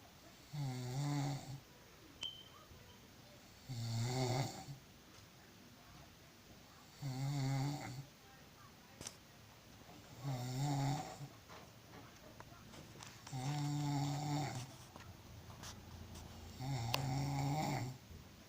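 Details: Regular low, rattling snores on each breath, about 19 a minute, with quiet pauses between them; snoring when very tired.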